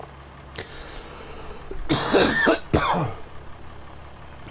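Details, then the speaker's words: Adult with a cold and an irritating urge to cough: two harsh, dry cough bursts with a throat-clearing quality, no phlegm sounds; dry cough. "habe voll den hustenreiz jetzt unangenehm"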